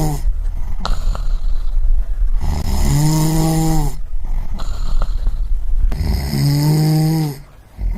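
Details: Loud rhythmic snoring, two long rattling inhaled snores with quieter breaths between, about one cycle every four seconds; snoring sound effect.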